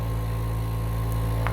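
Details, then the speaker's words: Omron NE-C28P compressor nebulizer running with its air tube detached from the medication container to clear leftover droplets: steady low motor hum with a faint rattle. "you remove this one further from the container and you turn on the device so if there's any droplet inside this ear clip so that will be removed from the tube"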